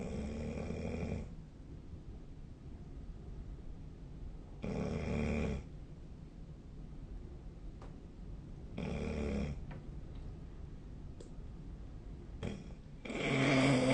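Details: Snoring in sleep recorded 2025/03/23, with loud, rough, low snores recurring irregularly, about four in this stretch, and quiet breathing between them.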